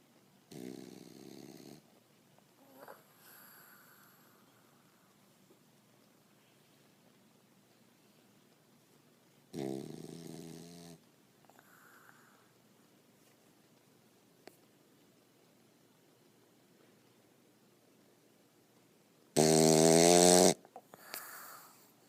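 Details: Snoring: three rattling, buzzy snores about every nine to ten seconds, with quiet breathing between them.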